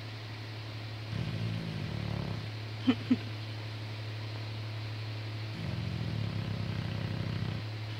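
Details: Snoring: two slow, low rumbling snores over a steady background hum, with a couple of brief clicks between them.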